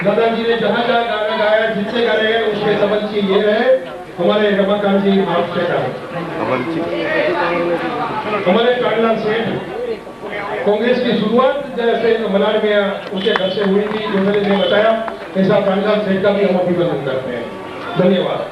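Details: Adult male speaker addressing a gathering; normal voice.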